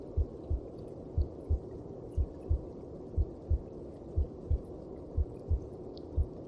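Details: Heartbeat heard inside the mother's belly, as from within the womb: steady, soft paired thumps at about 60 per minute over a low whooshing hum.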